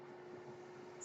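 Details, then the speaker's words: Quiet steady hum with a faint tone from a podcaster's ventilator running during speech; mechanical ventilator noise. "hello everyone my name is that noise you're hearing is my ventilator"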